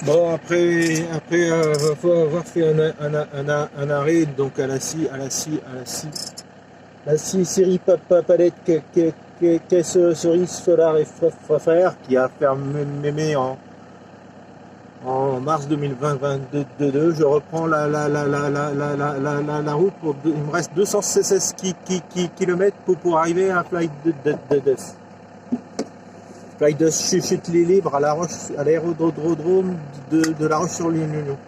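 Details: Adult male with stuttering, who says it becomes even worse and words stop coming out when he recalls a stressful period of his life (a workplace incident around 2004); stuttering.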